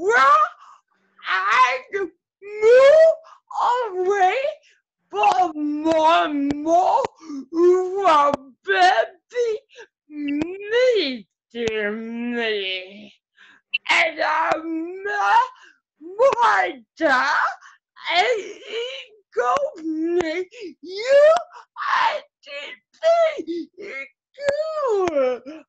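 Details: Adult woman with cerebral palsy speaking at length; her muscles get tighter as she gets excited; dysarthria (cerebral palsy).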